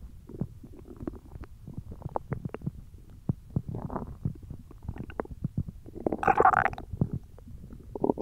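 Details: Hungry belly: irregular gurgling, rumbling and squeaky bowel sounds that come and go; ordinary hunger stomach growling (borborygmi).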